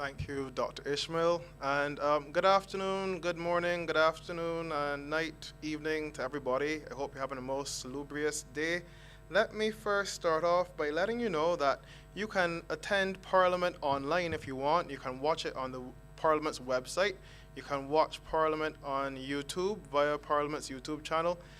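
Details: Adult man speaking; normal speech.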